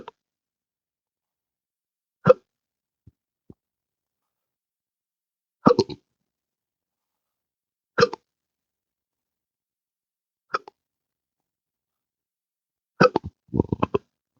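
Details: Adult with intractable hiccups since December 2015 after surgery with nerve damage (pudendal nerve injection, phrenic and vagus nerves affected): abrupt hiccups every few seconds, with short belch-like bursts near the end; persistent hiccups with belching.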